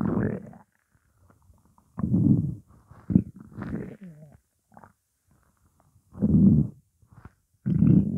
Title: Morning hunger